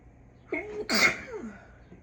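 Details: Single deliberately induced sneeze: a brief voiced in-breath followed by a sharp, hissing explosive burst, then a trailing voiced sound; sneezing.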